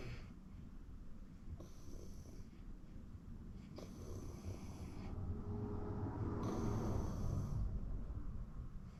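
Steady, rhythmic low rumbling snores with each breath over constant room noise; habitual snoring in sleep.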